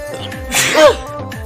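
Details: Sneezing, part of a six-sneeze series: a single loud sneeze burst over background music.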